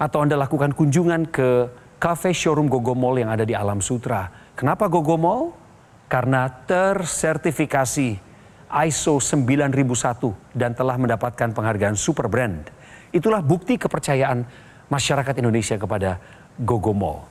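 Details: Adult male presenter; Normal speech.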